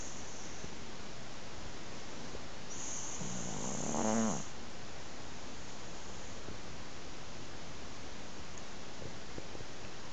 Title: Snoring cat!